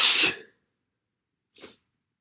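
A loud, wet, hissing sneeze followed by a brief softer sniff or exhale.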